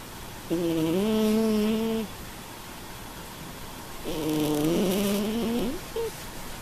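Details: Overweight black cat (Vincent) snoring: two long, tonal, purring-like snores about three and a half seconds apart, with steady background hiss; snoring.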